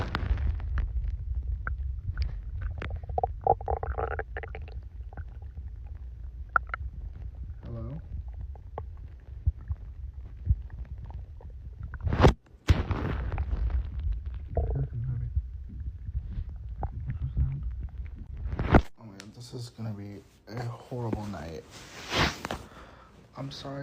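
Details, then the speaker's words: Adult male's loud stomach growling right after eating a whole pizza: continuous low rumbling and gurgling, active bowel sounds after a large meal. "Y'all, I just ate a whole pizza and my stomach is like literally my stomach is not Okay, listen."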